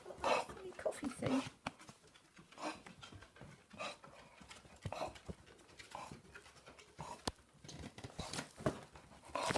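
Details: Female dog coughing indoors in a small room: repeated short, harsh coughing bursts with breathy panting between; owner wonders if it is a bit of a snuffle; cough.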